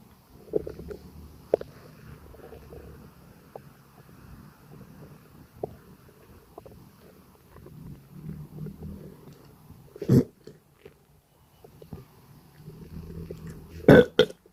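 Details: Burping with bowel sounds during a gassy stomachache: low gurgling stomach rumbles with a few short, sharp burp bursts.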